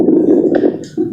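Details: Stethoscope lung auscultation example of a smoker's lung: rough, rumbling breath sound with a crackly coarse texture.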